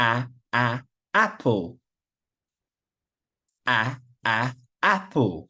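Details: Demonstration of first-sound repetition, with the initial 'a' repeated before a word; stuttering (sound repetition).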